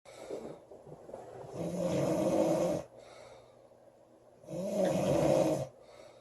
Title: Loud girl snoring July 13 2017